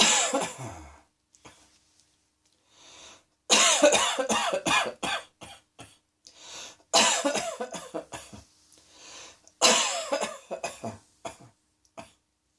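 Four fits of harsh, forceful coughing, each a strong burst followed by several shorter coughs, with quiet gaps between.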